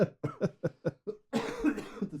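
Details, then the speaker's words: An adult podcast host coughs repeatedly during a recorded podcast conversation while a co-host asks them to stop coughing: cough. ">> Do you want to like just stop coughing so I don't have to try to fix the audio?"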